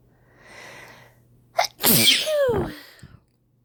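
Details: Adult sneezing while doing morning routines: a quick inward breath, then one loud explosive sneeze with a voiced tail; an ordinary sneeze.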